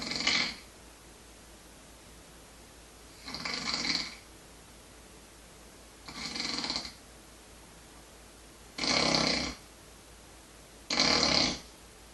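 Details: Ordinary snoring: five rough, rattling snores at irregular intervals, about 25 a minute, in a quiet room.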